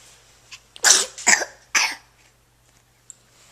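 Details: Young child with his first cold, just woken from a nap: three sharp, explosive sneezes in quick succession in a quiet room, with snot discharge.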